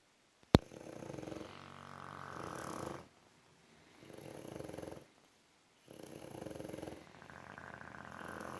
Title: Funny Bulldogs snoring